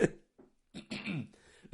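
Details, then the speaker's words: Adult just recovering from flu, coughing during a podcast recording: several short, harsh cough bursts with throat clearing in a quiet small room; cough. "pardon je sors d'une gripe là je tousse comme un comme un porort"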